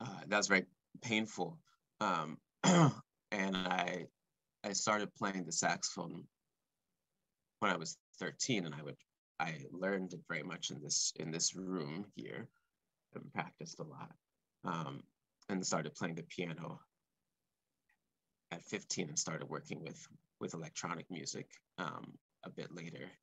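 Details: Male composer who has stuttered since about age four or five, speaking live; stuttering.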